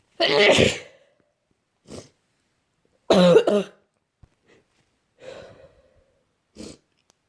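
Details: Person with a cold that has worsened, cough getting worse, exhausted and sleeping most of the day: two loud harsh coughing bursts with softer coughs and throat sounds between, quiet room; cough.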